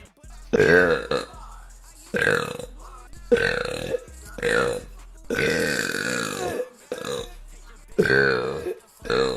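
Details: Female burping: a series of long, loud, voiced belches in a row, one stretched out, with faint music behind.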